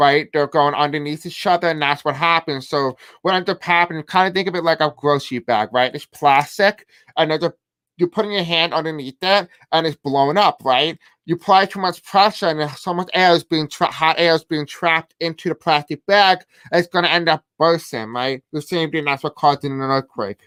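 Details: Male speaker who self-reports a deaf accent and difficulty pronouncing certain words; deaf speech.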